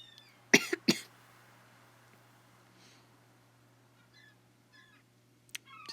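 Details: Two to three harsh, dry coughs in quick succession during video-game commentary, then quiet with faint game sounds; the speaker says it isn't COVID and the coughing stopped when talking stopped.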